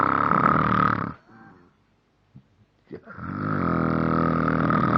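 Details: Heavy snoring recorded on a mobile phone: loud, coarse, buzzing snores with a short quiet gap between breaths.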